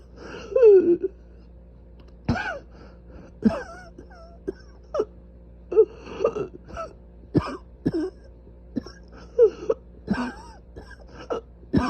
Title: Coughing *severely inflamed airways*